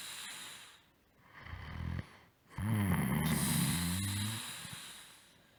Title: Snore breakdown01